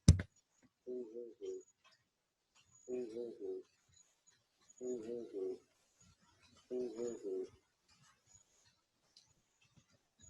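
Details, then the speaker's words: Chest auscultation of vocal resonance in a respiratory exam teaching demonstration: four muffled, booming voice sounds as the patient repeats a short word, words unintelligible. Vocal resonance increases with consolidation and decreases with atelectasis. "lembrando que essa ressonância vocal ela pode estar aumentada ou pode estar diminuir no caso de uma condensação por exemplo vai estar aumentada no caso de uma atelectasia ela vai estar diminuído"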